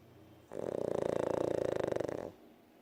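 One drawn-out, rattling, fluttering breath sound lasting about two seconds, like a snore.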